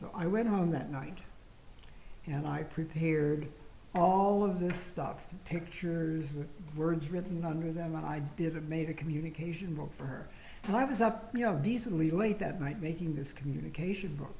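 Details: Adult speaker; normal speech.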